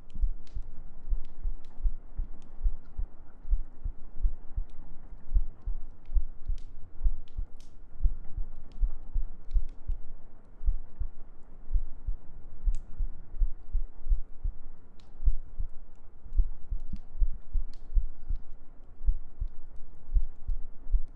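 Steady, regular low heart thumps in lub-dub pairs over a soft background hum.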